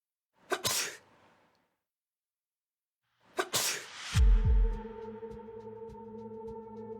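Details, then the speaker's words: Two explosive sneezes, followed by soft background music, recorded in a research experiment using laser beams and a high-sensitivity camera to track sneeze droplets and how they spread. "the experiment starts first sneezing we can see a large droplet about one millimeter in diameter it quickly Falls"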